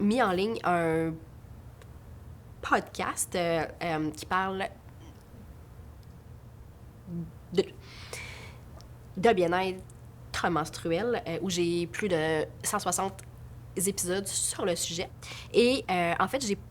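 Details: Adult woman who stutters; stuttering.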